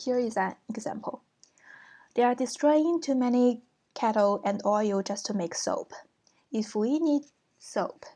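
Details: Lecturer reading aloud an example of disorganized speech in schizophrenia, which skips disjointedly from topic to topic, possibly from impaired shifting and maintaining of attention; a read illustration, not a real patient; disorganized speech (schizophrenia).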